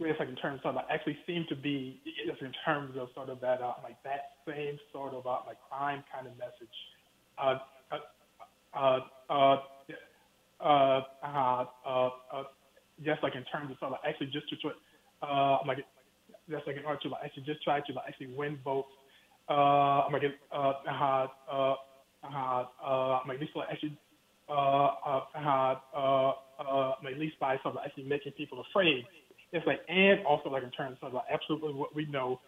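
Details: Stuttering in an adult man who reports that he stutters, heard during a phone interview.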